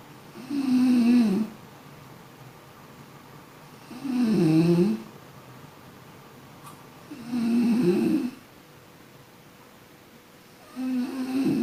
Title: Suara orang tidur Mendengkur